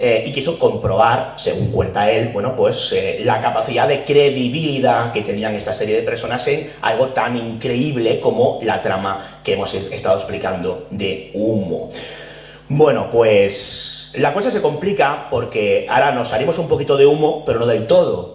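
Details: Adult male speaker; Normal speech.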